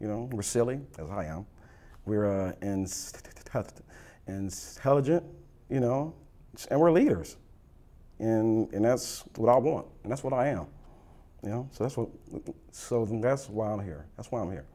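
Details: Adult with stuttering, real and not acted; stuttering.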